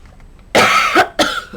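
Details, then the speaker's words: Adult crafter apologizing for voice and coughing: two sharp harsh coughs in quick succession, the first longer with a throaty ending, dry-sounding. "so sorry, friends. I'm so sorry for my voice and my coughing and all of the other things."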